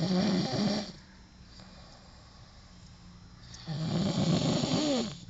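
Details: Man asleep after drinking too much agave liquor: loud, rough, rattling breathing noise at the start and end with a quiet gap between; snoring.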